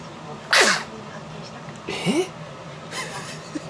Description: I’m sharing a rare moment when my twin daughters sneezed in perfect sync.